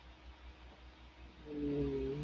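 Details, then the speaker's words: Adult's stomach growling (borborygmi) during a live evening broadcast: quiet room hiss gives way to a low, drawn-out rumbling groan with a faint hum. "And if that noise you hear, it's my stomach growling."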